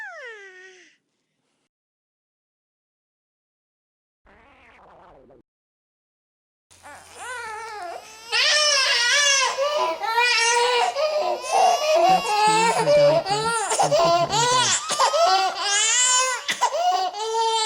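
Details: Infant crying from a baby-crying sound-effect collection: loud, rising and falling wails with brief pauses after a short quiet opening.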